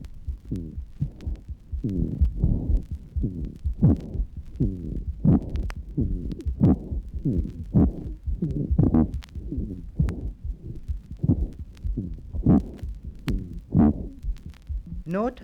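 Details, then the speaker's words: Bronchial asthma teaching recording: increased respiratory rate, an inspiration-to-expiration ratio of 1 to 4 and very little pause at end-expiration, with rapid breath sounds, musical wheezy tones and prolonged expiration. Asthmatic breath sounds with increased respiratory rate. "the ratio of inspiration to expiration is 1 to 4 listen again and you find that there is very little pause at the end of expiration"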